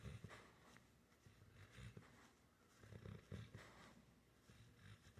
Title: Snoring and twitching.🐕